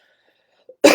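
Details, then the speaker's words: Single adult woman's cough while recovering from asthma problems and on antibiotics after a phone consultation: near silence, a faint catch, then one sudden harsh cough burst that is cut off at the end. "can hear the cough there. And I got a consultation on the phone, and I've got some antibiotics, and I'm still recovering."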